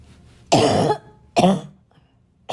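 Two loud, harsh, barking coughs mixed with throat clearing, part of a coughing fit.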